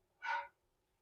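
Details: Man born in 1966 with two months of knee pain, during varma treatment (offered for male impotence): one short, sharp, slightly voiced gasp lasting about a third of a second, in a quiet room.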